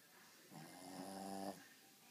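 A single drawn-out, buzzing snore from a sleeping dog, lasting about a second against quiet room noise.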